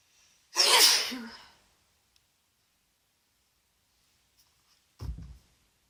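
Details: Female with a congested head cold, day 2, sneezy after a bath: one loud, forceful sneeze, then silence and a short low sound; sneezing.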